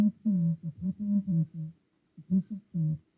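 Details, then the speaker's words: Simulated profound mid-to-high frequency ski-slope sensorineural hearing loss from a real person's audiogram, right side, unaided: muffled hum-like speech with only low pitches left, mumble without clarity. "so as you can see there that's quite a significant hearing loss and a person with this type of hearing loss would struggle um you know significantly without hearing aides and even hearing aides would be limited"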